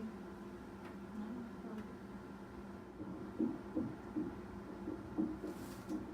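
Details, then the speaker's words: Fetal heartbeat on Doppler during a pregnancy with maternal diabetes: fast rhythm with uneven spacing and occasional skipped beats, irregular rhythm from blocked premature atrial beats, said usually to resolve with time. "so rather than it being like bump bump bump bump right okay one sound is at the top part of the cart closing and then the other sound is upon departing part of the part closing it sounds like there's some periods where there's a skipped beat"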